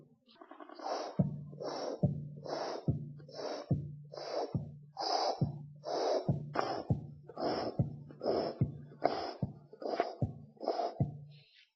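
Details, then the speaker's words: Stethoscope at the apex (mitral area): regular heartbeat about 71/min, muffled soft first heart sound followed by a blowing murmur filling systole, mitral regurgitation. "now if we found a Mur we have to think of three types of murmur over the mitor area first miter gear or mitosis or po I mean double mitro if it GE we will listen to muffled first sound bolic"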